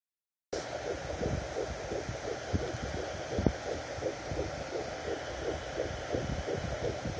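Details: Fetal heartbeat at 12 weeks of pregnancy on a fetal Doppler, first found at 12 weeks after failing earlier: a fast, regular whooshing pulse, a normal fetal heartbeat.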